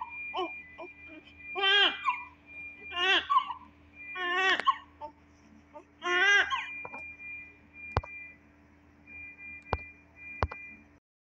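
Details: Full-term, 3 kg normal newborn baby girl in hospital: repeated short, high-pitched wailing cries, with a steady electronic tone and clicks behind; a normal newborn cry.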